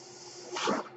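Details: Speaker's own mechanical ventilator heard during a podcast recording: a steady low hum, then a brief rising whoosh of air as it delivers a breath.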